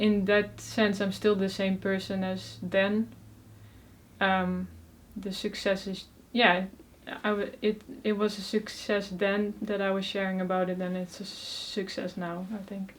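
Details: Adult woman from the Netherlands who stutters, speaking Dutch, at the start of avoidance reduction therapy aimed at unlearning fluency tricks and letting stuttering happen freely, so it is currently very uncontrolled; stuttering.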